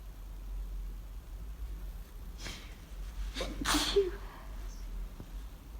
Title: Sneezing fit from allergy…achiew! Clip from 8 minute video available now #pollenallergy #sneezing